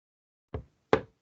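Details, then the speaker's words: Two sharp taps on a clipboard imitate the crisp, high-pitched 'tac' of the second heart sound, the closure of the rigid semilunar valve cusps. "esse TAC, é fechamento das semilunares ou sigmoides, porque as cúspides são muito rígidas e fazem tac, o som agudo."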